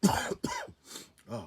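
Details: An adult coughs while food is nearby: two or three short, harsh cough bursts, then a softer voiced throat sound.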